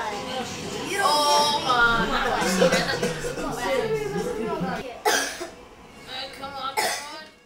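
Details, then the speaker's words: Acted child portraying a moderate asthma attack, with tight chest, short and labored breathing and choppy speech: a few harsh coughs over background music. "first determine the stage of the attack during a moderate attack the chest feels tight and there is obvious difficulty breathing the asthmatic is short of breath and breathing is labored"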